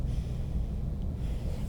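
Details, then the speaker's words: Nursing focused lung assessment with the stethoscope on the skin over the right upper lobe during full inhalation and exhalation, compared with the left upper lobe: soft, low, rushing, normal breath sounds. "right upper lobe full inhalation and exhalation great compared to the left upper great"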